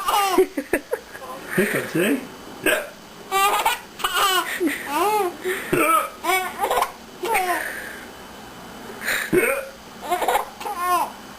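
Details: Child's hiccups: short, abrupt voiced catches repeating among giggles and laughter.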